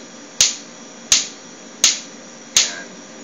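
Sharp, snapping clicks, regular at about 83 per minute: a lithotripter firing shock waves at a steady set rate.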